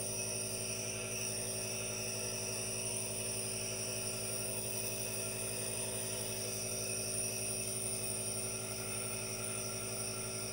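Steady mechanical hum and hiss without pause, the constant running noise of a nebulizer machine.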